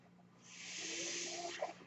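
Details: Home mechanical ventilator of an adult user heard while she talks: a steady airy hiss rises and holds for about a second over a faint low hum, then eases off, one delivered breath.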